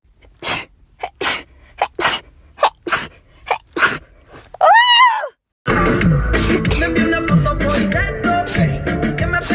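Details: Rapid run of about ten sharp sneezes in quick succession from a person, followed by loud music: sneezing.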